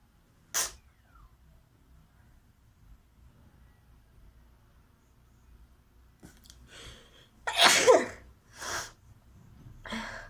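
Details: Sneezing challenge: a sharp sneeze, then after a pause a louder explosive sneeze, followed by sniffs and nose blowing; ordinary sneezing.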